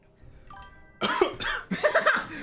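Two short, harsh cough bursts follow a few faint background musical tones; a plain cough.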